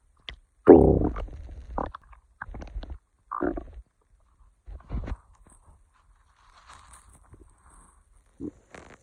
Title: len kagamine stomach growling